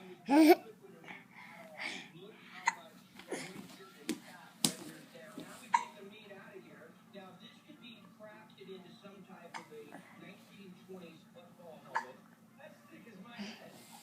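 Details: A recurring episode of hiccups in a female who seems to like them: abrupt, sharp catching sounds repeating irregularly among soft voice sounds and a faint steady hum.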